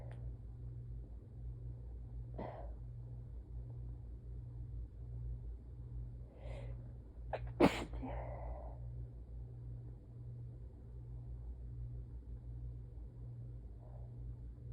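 Several sneezes in a row over a quiet room hum, with a sharp, forceful one in the middle and softer ones around it: a sneezing fit.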